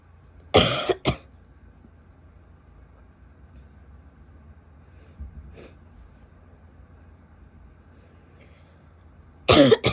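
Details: Female coughing, with some spitting: three sharp cough bursts, a short pair near the start and one at the end, in a quiet room.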